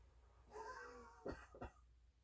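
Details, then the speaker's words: Short vocal sound then two quiet voluntary cough bursts, ending chest physiotherapy for COVID-19 secretions: postural drainage with legs elevated, percussion and vibration with deep breathing over a lung segment. "Always end with the vibration with the breathing. And the cough."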